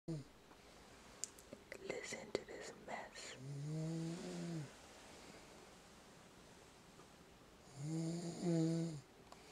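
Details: Adult man sleeping in bed, denies snoring: two long, deep rumbling snores with a nasal buzz a few seconds apart, with rustling and faint room noise, snoring likened to a wild boar.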